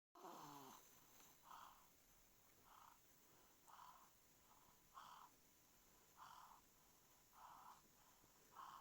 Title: clearing my noise when it's clogged.h Daddy's love❤️